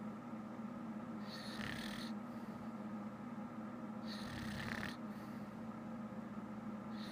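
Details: A woman (girlfriend) fell asleep while watching shows and snores loudly: raspy snores on two breaths over a steady room hum.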